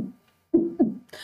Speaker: साथ ही साथ हम ये भी देखेंगे कि हमारे हार्ट के अंदर से जो आवाज आती है, जो हार्ट साउंड निकलती है, जिसे हम लब और डब कहते हैं, तो ये जो आवाज आती है ना, जो धक धक की आवाज आती है, मैं बताती हूँ आपको,